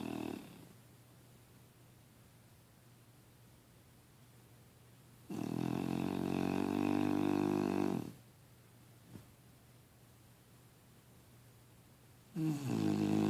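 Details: Snoring: loud, rough, rumbling breaths about every seven seconds, separated by quiet pauses, roughly eight to nine breaths a minute.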